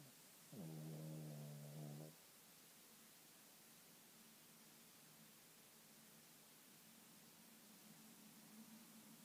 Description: My King Charles Cavalier snores!!!!!